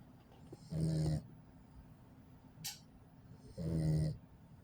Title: Listen!!! He is 8 weeks today! 2 mile walk and snoring like a boss! #Pittbulls #PittNation #Onelove